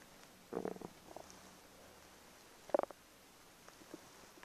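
Two short gurgling rumbles from the belly against quiet background: ordinary stomach rumbling, the normal sound of gas and fluid moving through the gut.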